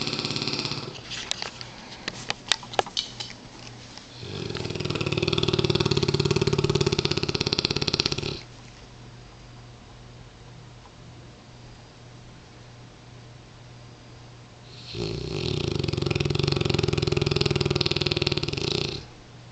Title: Champ the mighty Mastiff--snore- fest 2007